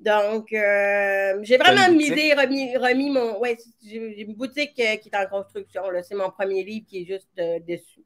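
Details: Severe-to-profound deafness in an adult woman who hears with her right ear via a hearing aid and now a cochlear implant, and who worked on her voice on her own; deaf speech (severe-to-profound hearing loss).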